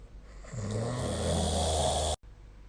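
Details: Snoring recorded with the SnoreLab snore-tracking app during sleep on 2025/04/29: a single loud, rough, vibrating snore on one breath, lasting about two seconds, then quiet.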